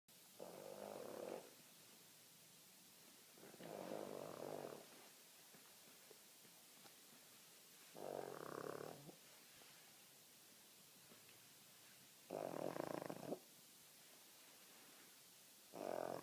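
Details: Finley, a male, asleep: steady, buzzing snores about every four seconds, roughly fifteen breaths a minute, with quiet pauses between; snoring.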